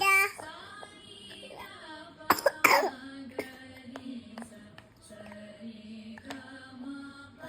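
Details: A young child with a cold and cough sings a sargam scale in a thin voice, broken by two sharp cough bursts near the middle.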